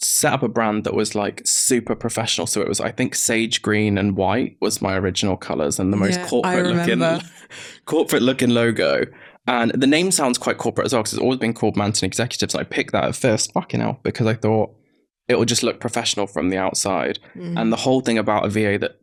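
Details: Tourette's syndrome vocal tic (coprolalia) in an adult man, about 32, whose Tourette's began in his mid-20s after a brain injury; he also has whistling tics and a stammer that occasionally returns.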